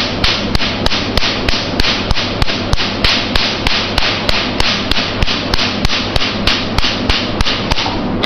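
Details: YAG laser tattoo removal machine demonstrated: rapid, evenly spaced sharp snapping pulses, about three a second, over a steady hiss as the laser fires repeatedly.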